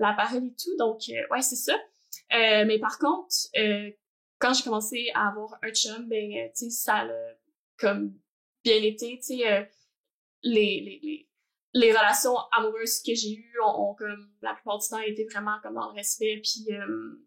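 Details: Adult woman who stutters, also has ADHD and has had speech therapy, speaking French; stuttering.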